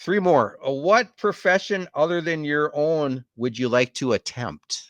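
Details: Adult interviewer; Normal fluent speech.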